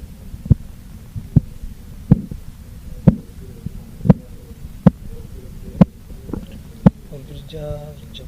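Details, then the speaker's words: Korotkoff sounds during blood pressure measurement: eight sharp regular taps at about 70/min, the first deep sound marking systolic pressure, then fading, indicating diastolic pressure. "मैं यहाँ से जो deep sound पैदा होता है तो ये सिस्टोलिक ब्लड प्रेशर का साउंड है।"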